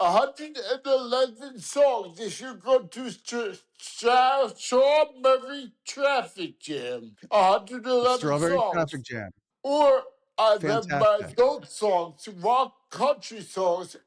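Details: Adult man with dysarthria caused by lithium toxicity after lithium treatment for depression; he suspects a mini stroke; he calls it a motor-skill problem, speech varying in fits and starts, not good today. Finding: dysarthria.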